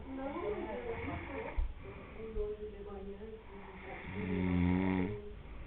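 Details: Uncle sleeping at the beach in Canoas, PR, with deep, groaning, voice-like snores and one long snore near the end, on a muffled phone recording: snoring.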